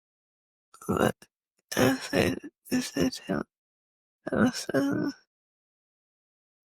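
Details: Adult woman with multiple system atrophy, cerebellar type (MSA-C): severe slurred dysarthria.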